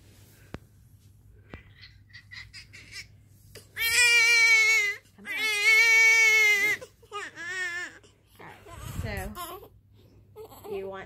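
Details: Newborn crying in loud, sustained wails with short gasps between, in a quiet room, while parents are taught by a night nurse how to swaddle; normal healthy newborn cry.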